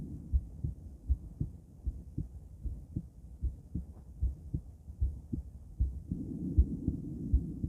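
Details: Female heart auscultated with several different stethoscopes via microphone, moving Erb's point, mitral, tricuspid, aortic, then pulmonic; steady soft paired thumps about 78/min with faint stethoscope rubbing; normal heart sounds.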